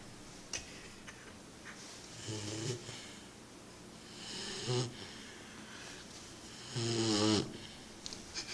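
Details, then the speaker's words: Snoring from a sleeping puppy: three rough, buzzing snores rising in loudness over about eight seconds in a quiet room. "That's my dog, Kato, snoring."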